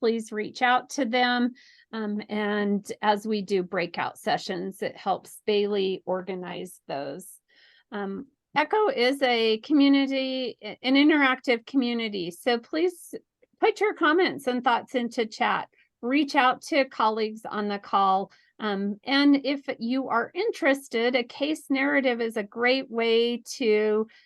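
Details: Adult woman speaking; normal speech.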